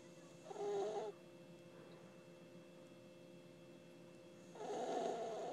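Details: Sleeping puppy snoring: two soft, rasping breath noises about four seconds apart, with quiet room hum between.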